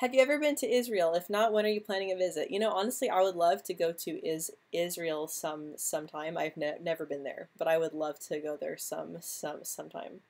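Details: Adult woman who stutters; word repetitions audible; stuttering.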